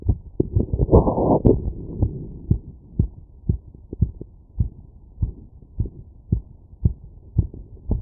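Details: Heart heard through a stethoscope after physical workload: steady, quick thumping heartbeat, about 110 a minute, with a brief rustle at the start.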